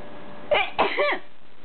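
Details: Owner's sneeze, two quick explosive bursts less than a second apart, then quiet, while the pet Cam-Cam watches with a funny face.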